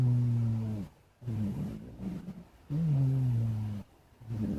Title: Blk Cat Snoring (sound only)